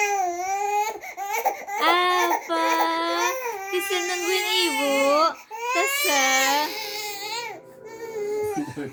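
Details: High-pitched, sustained infant crying in repeated wails with brief catches of breath between them; the baby reportedly always starts coughing when crying.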